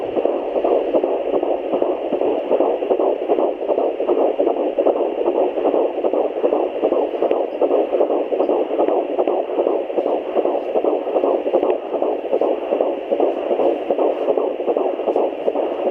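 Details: Rapid, regular whooshing pulses at about 154 beats a minute, the "galloping horse" sound of a fetal heartbeat on Doppler at 13 weeks 5 days of pregnancy, with fetal movement felt.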